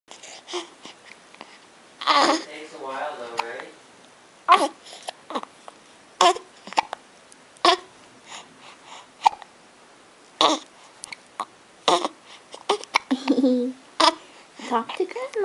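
Repeated sharp hiccup bursts every second or two, mixed with a child's babbling and vocal sounds. These are ongoing hiccups.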